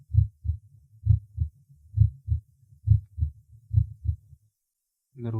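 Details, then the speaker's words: Fifth auscultation point (Botkin–Erb, fourth intercostal space left of sternum, assesses aortic valve): normal heart sounds, regular about 67/min, first and second sounds roughly equally loud. "пятой точке точке боткина эрба расположенный в четвертом межреберье слева от грудины громкость обоих том и в сердце примерно одинаково в этой точке оценивается состояние аортального клапана"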